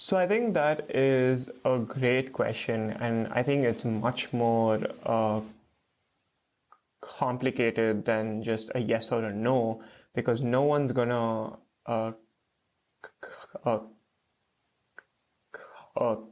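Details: Stuttering with blocks in an adult man, a first-year PhD student, who has stuttered since about age 3 to 3.5.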